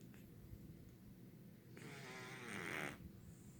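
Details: A quiet, low rumbling breath, then one longer rattling snore on the in-breath: light snoring.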